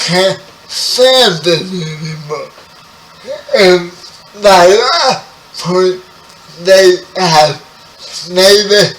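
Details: Dysarthria in a 30-year-old man with spastic quadriplegic cerebral palsy, who was born 11 weeks premature.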